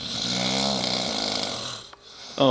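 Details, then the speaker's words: An adult man, a friend who had a couple of beers, snoring loudly during sleep: a long, loud, rumbling snore on one breath, then quiet and the start of another noisy breath. "maybe one too many of those I'm not too sure wow I thought I snored loud like a lawnmower say good night"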